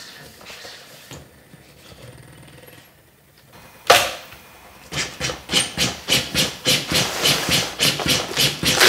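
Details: Corpuls cpr mechanical chest compression device, just applied to a training manikin using the 4-Step approach with minimal hands-off time, delivering rhythmic mechanical thumps at about 105 a minute after a short pause.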